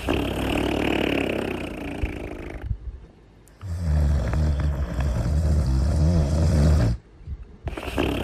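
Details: Simulated cartoon snoring from the character Cooler in Little Einsteins: loud, rough, rumbling snores with snorting breaths.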